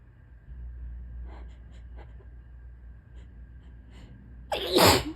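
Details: Person on a bad allergy day with tickly, hitchy sneeze buildups: quiet catching breaths for several seconds, then one loud explosive sneeze; room hum.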